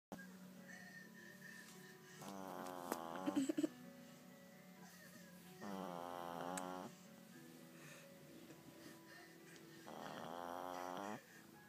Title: Pug Snoring